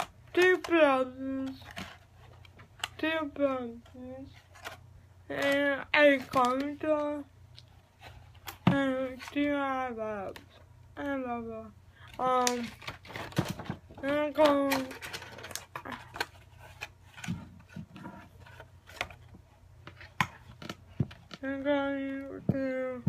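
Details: Adult speaker; Dysarthria (cerebral palsy).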